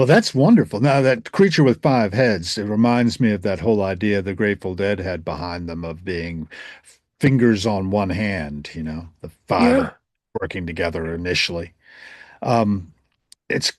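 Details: Adult male speakers in conversation; normal voice.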